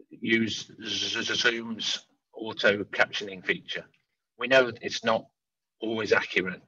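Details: Adult man who stammers, speaking openly with his stammer; stammering.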